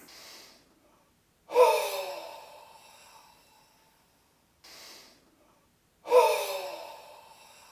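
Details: Huff cough demonstration (forced expiratory technique to loosen and clear mucus): full breath in through the nose, then air forced out through the mouth; two cycles of short in-breath and long, forceful open-mouthed huff.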